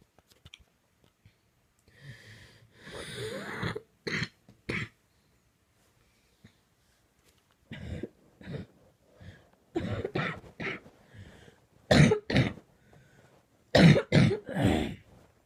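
Bouts of harsh, repeated coughs in clusters with brief gasping pauses, getting louder near the end; a prolonged coughing fit.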